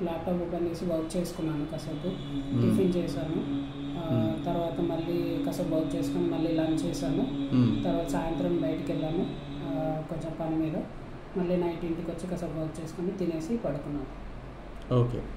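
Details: Young man before voice therapy, with a slightly high-pitched voice since his teens because the pubertal voice change did not happen; puberphonia.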